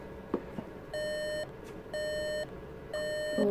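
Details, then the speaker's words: Medtronic Evera implantable defibrillator alert tone, triggered on request during an in-clinic alarm test: three steady half-second beeps, one per second, over quiet room noise. "okay when you're ready Let's uh oh the alert on again yeah yeah hit me with the alarm"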